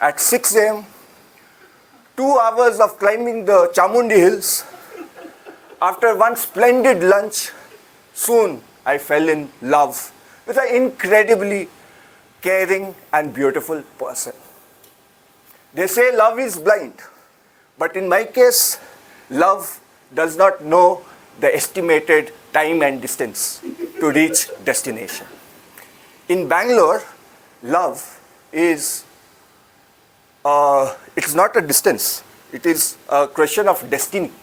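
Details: Adult speaker; normal speech.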